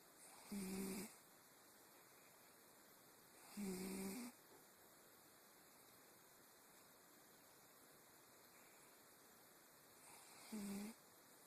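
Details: Three soft, low-pitched snores at irregular intervals over quiet room hiss from a sleeping cat; snoring.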